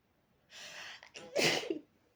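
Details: Person with face buried in a fluffy pillow, sneezing into it: a short breath in, then a single forceful, slightly muffled sneeze.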